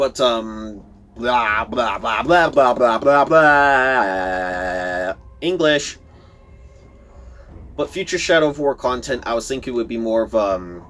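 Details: Stuttering in a speaker who says he stutters a lot; word repetitions are heard in this stretch.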